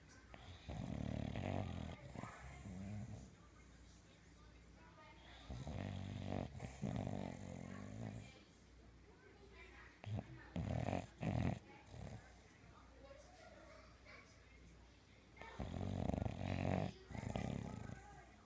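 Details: English bulldog snoring: loud, rough, snorting breaths in irregular bursts with room noise; noisy snoring.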